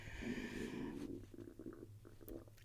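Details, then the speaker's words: An adult's stomach rumbles audibly during a recorded podcast conversation: a low, drawn-out gurgling rumble, then shorter bubbling bursts; ordinary stomach rumbling (borborygmi). "Can you hear that? That's my stomach saying."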